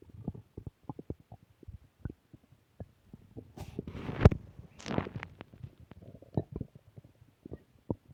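Irregular gurgling, bubbling and rumbling bowel sounds with short squeaky bursts: ordinary stomach growling.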